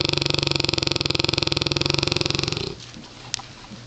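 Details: Snoring from Champ, a large Mastiff rescue dog, asleep: one long, loud, rattling snore with rapid fluttering vibration lasting about 2.5 seconds, then a quiet room.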